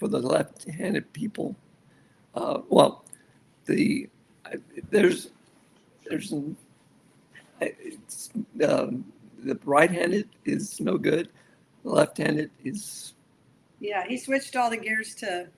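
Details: Male stroke survivor with aphasia after a severe stroke, over a decade of rehabilitation; aphasia.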